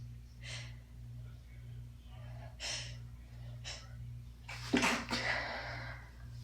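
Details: Stifled sneeze variety, including pinched, hands-free, failed and half-stifled sneezes and a very congested failed stifle at the end: several short muffled bursts of breath and a louder final burst against a steady hum.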